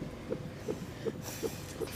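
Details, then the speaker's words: Simulated TV-drama fetal heartbeat on Doppler for a mother who had not felt the baby move for a day and a half: rapid, regular whooshing thumps about 155–160 a minute; baby said healthy. "Let me show your baby's heartbeat. That should reassure you. If we have a listen down here, that's baby's heartbeat. So, we know he's alive."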